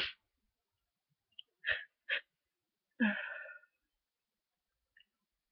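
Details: Sneezing with nasal congestion from a cold that began with fever and sore throat: short sniffs and breaths build to one slow-to-come sneeze, then a faint sniff, in a very stuffy person lying in bed.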